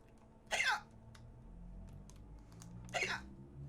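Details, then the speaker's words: Female gamer with hiccups while streaming: two short, sharp involuntary catches about two and a half seconds apart over faint room noise and keyboard clicks. "yeah I got hiccups"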